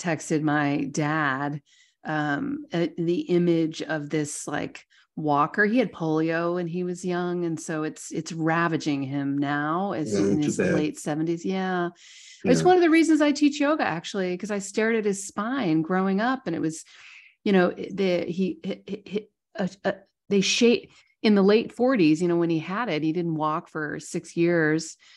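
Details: Adult speaker; normal speech.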